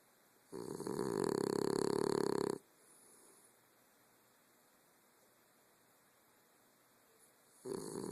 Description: My dog Leo snores.